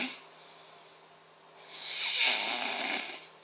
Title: Epic Snoring(must watch lol)